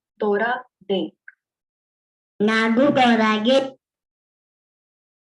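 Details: Child with cleft palate, sample one used in a teaching module; front consonants backed to velar g; backing of front consonants to /g/.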